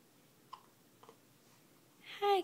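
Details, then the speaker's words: Unhappy infant girl with hiccups: two brief soft hiccup sounds about half a second apart, then a short fussy cry; hiccups. "baby I'm sorry you have those hiccups"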